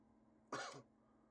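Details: A single short, dry cough from an adult gamer recording in a quiet room; cough.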